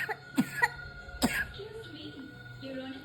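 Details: Two to three short coughs from a child, with adults' voices and room noise, while the child receives a chest treatment for cough; cough.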